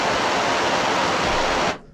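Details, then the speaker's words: S10 CPAP for sleep apnea, mask taken off while the machine runs: loud, steady rushing of free-flowing air that stops abruptly as the device switches itself off. "Et quand vous l'enlevez, c'est ça que je disais que ça peut peut-être déranger quelqu'un. Alors, ça va s'éteindre tout seul."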